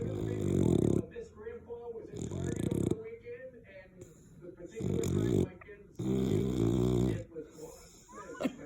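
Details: Loud rattling snores with quieter breaths between and a faint voice in the gaps: snoring during sleep.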